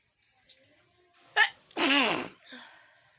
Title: Nose sneezing//video